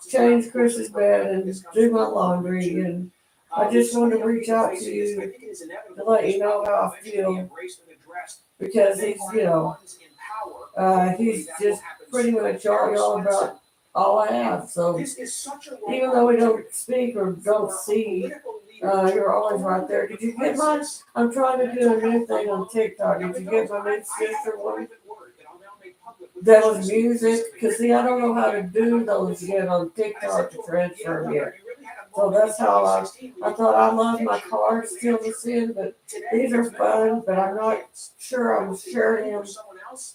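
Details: Adult man with cerebral palsy, dysarthric speech during live-stream chat; lives with mother and a caretaker.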